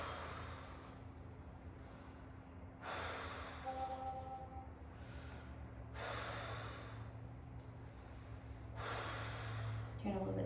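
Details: Stethoscope on the back of a 12-year-old breathing through the mouth harder than normal during a nursing respiratory assessment: normal breath sounds.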